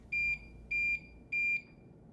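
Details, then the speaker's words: Curlin 6000 infusion pump during a home parenteral nutrition (HPN) infusion: three clear, evenly spaced, high-pitched electronic beeps over quiet room noise, signalling infusion complete. "La bomba emite un pitido cuando acaba la infusión."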